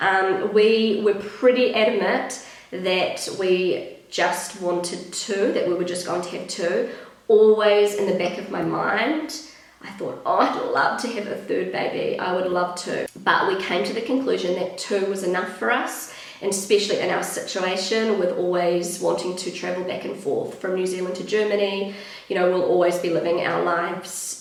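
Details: Pregnant woman with a habitually croaky, crackly voice that she says worsens whenever she is pregnant, blaming the pregnancy; she is also slightly out of breath; vocal fry.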